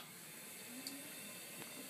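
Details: Steady airy hiss of a suction machine being turned on, with a brief click and faint low hum, during a simulated tracheostomy care skills-lab demonstration before suctioning is tested with saline.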